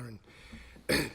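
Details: Adult man giving a speech in parliament with a tickle in his throat: a brief voiced sound, a pause, then one loud, harsh throat-clearing burst; he was later tested for coronavirus.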